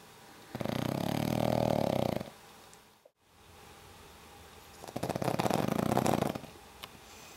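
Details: Pug snoring: two loud, rattling, snorting snores about four seconds apart, typical of a flat-faced dog breathing in sleep.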